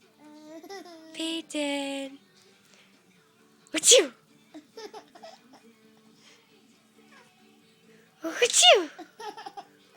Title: Baby laughs when she hears a sneeze